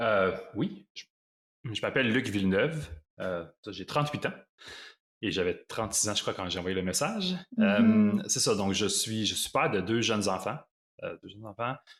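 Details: Stuttering in an adult man who lives with stuttering; stuttering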